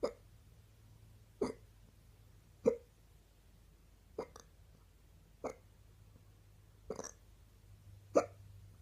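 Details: Woman's stubborn morning hiccups: seven short, sharp catches at a steady pace, about one every 1.3 seconds, in a quiet room; hiccups.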